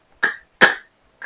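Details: Imitated stuttering block on an initial 'k' sound, demonstrated by a stammering coach: the sound gets stuck and the breath stops in the throat; stuttering block (imitated).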